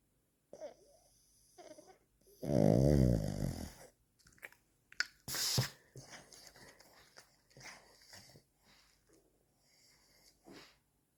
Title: snoring pug (frug)